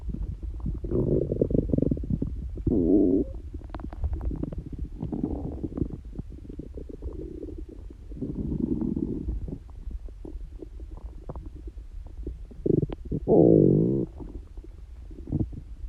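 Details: Ordinary loud stomach growling (borborygmi) from someone prone to very noisy bowels, not hungry and without stomachache: repeated low gurgling rumbles and squeaky growls with brief quiet gaps; normal bowel sounds.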